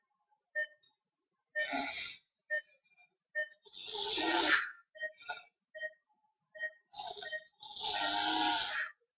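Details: Palatal snoring in an adult male with mostly obstructive sleep apnoea on monitoring: harsh, fluttering inspiratory snores from soft-palate vibration, with steady monitor beeps.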